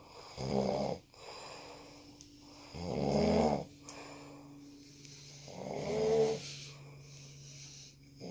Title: is snoring